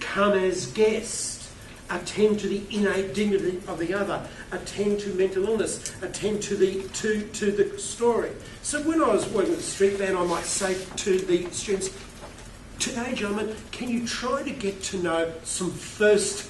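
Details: Stuttering in an adult male keynote speaker who states he has a stutter.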